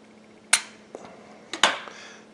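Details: Sharp spring clicks as the lancing device of a HanrayCare blood glucose monitor kit is pulled back (cocked) and fired to prick the skin, during a demonstration, before blood is applied to the test strip.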